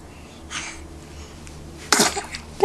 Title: 0254 2011 0614 four sneezes